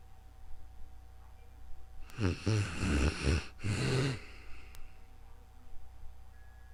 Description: Sleeping beauty has returned this video in calm real time sleeping with snoring you will love it